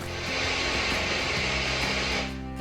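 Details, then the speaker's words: Simulated roaring, ocean-like tinnitus: a steady surf-like hiss with a low hum. "some experience a high-pitched ringing sound something like this while others here ocean sounds like this"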